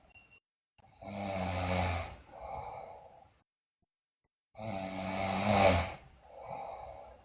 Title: Sleeping Girl Loudly Snore, Bruxism, Delirious